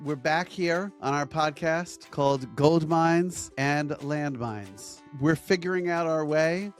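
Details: Adult male speaker; normal speech.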